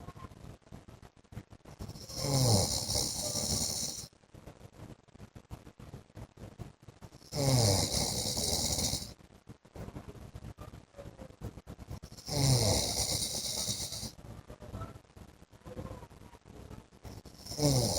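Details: Adult man (husband) snoring during sleep: loud, rattling snores on each inward breath, about 12 a minute, with quiet gaps between; heavy snoring.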